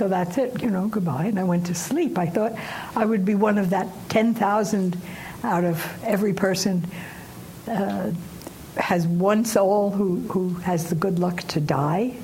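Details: Woman aged 89, some time after a stroke causing aphasia, still recovering, says syntax still breaks down; aphasia (post-stroke, recovering).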